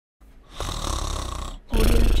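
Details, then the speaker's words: Cartoon character (Kikoriki's Carlin) snoring loudly: a rattling snore with a long rasping inhale, a pause, then a deep vibrating snort. "man I can't take this snoring anymore I know me too we have to find a way to stop it"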